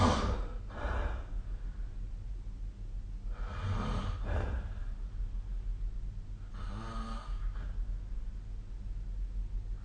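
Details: Snoring during sleep, recorded with a snoring-tracking phone app: three rough, rattling breaths about three seconds apart over a steady low room hum.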